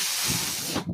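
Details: Speaker's own mechanical ventilator heard while talking on a podcast: a steady airy hiss lasting about a second, then tapering off, as a breath is delivered.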